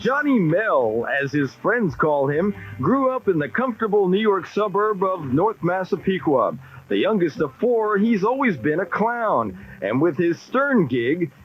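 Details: Adult narrator; no disorder.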